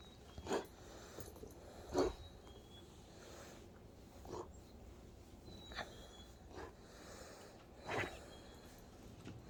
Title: cough